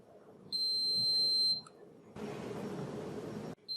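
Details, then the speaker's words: Moog EnteraLite Infinity enteral feeding pump for home tube feeds, powered off with the on/off button after the feed is paused during a setup demonstration: a one-second high beep, a short chirp, then a rushing hiss, the normal power-off tone. "in order to turn off the pump we simply press the on off button again"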